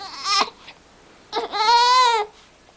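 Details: Baby with hiccups starts to cry: two short, high-pitched wails, the second longer and rising then falling; infant crying.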